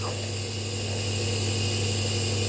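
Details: Nebulizer compressor used for a toddler: steady loud mechanical hum and buzz of the running machine delivering mist.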